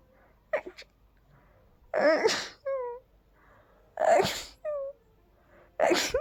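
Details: Dust allergy sneezes: three sneezes in a row, each ending in a short high squeaky note.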